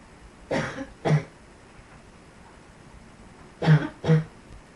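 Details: Two pairs of short, low coughs with a quiet pause between them, over faint room hiss.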